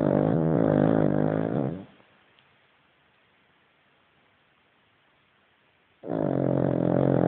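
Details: Cavalier dog: two loud, rough, buzzing snores about four seconds apart, each on a breath, with quiet between; snoring.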